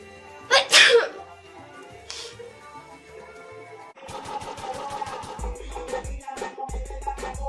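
An adult woman gives one forceful sneeze, a quick catch of breath then an explosive burst, followed by a soft breath; music starts afterward.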